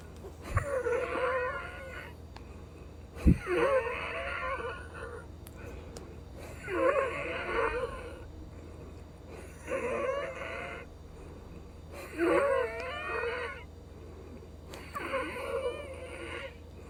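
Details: Wheezing in a woman with Down syndrome on nebulised breathing treatments (DuoNeb that morning, Arformoterol and Pulmicort due); repeated noisy breaths with musical, whistling tones from narrowed airways; caregiver wonders about infection.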